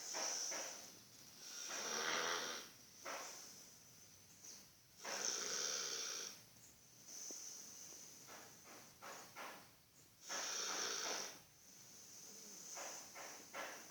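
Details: Sleeping dog snoring: irregular raspy, hissing snores at about 11 per minute, with quieter breathing sounds between them; ordinary snoring.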